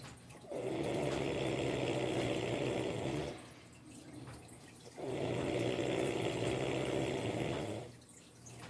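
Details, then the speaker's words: Sleeping cat snoring loudly: long rattling snores on each breath in, about three seconds each, with quiet breaths out between. "Ah, he's in here snoring. Gavin, wake up. He's snoring like a rug over here."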